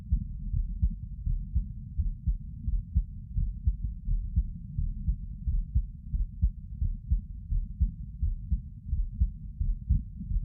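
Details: Soft, low heartbeats at about 86 a minute, fairly regular, recorded sitting; normal heart sounds.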